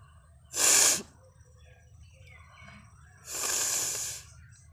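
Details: Two loud, hissing sneeze bursts about three seconds apart over a low background hum.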